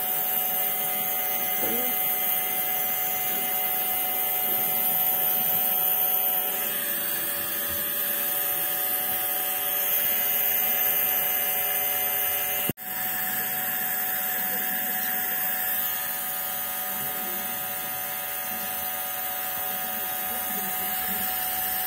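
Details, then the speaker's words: Nebulizer running as a woman sits for an inhalation treatment: steady mechanical hum and hiss of the device, with a faint voice in the background. "Я на ингаляцию села"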